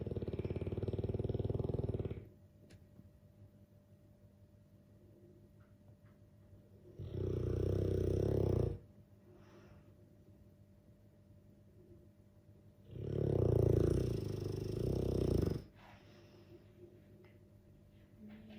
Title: Dogue de Bordeaux - sleeping and snoring beauty.